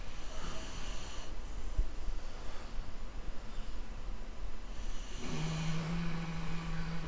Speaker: I'm sorry for this snoring dog in this audio, but I am recording it separately to doing the filming.